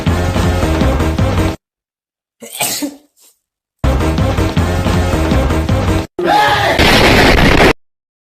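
A single short sneeze, a quick intake and sharp burst, set between stretches of loud music.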